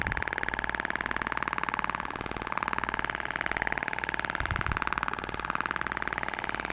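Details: IBRAMED Thork radial shockwave device (max 200 mJ) demonstrated on a person's face, applicator held at 90°: rapid, steady mechanical tapping at about fifteen pulses a second; shockwave device firing.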